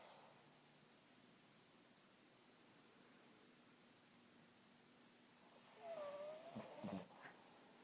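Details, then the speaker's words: Sleeping pig snoring: faint, steady breathing noise, then a louder stretch of whistling, snorting snores near the end. "hey you were snoring pretty big time"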